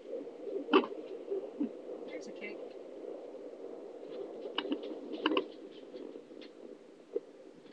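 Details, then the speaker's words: Home ultrasonic fetal Doppler on a pregnant mother's abdomen: steady hiss broken by a few sudden loud thumps and scrapes from an active baby kicking, also felt by the mother; fetal movement. "Like you could feel the baby kicking and you know it's a baby kicking cuz you can hear it on the Doppler."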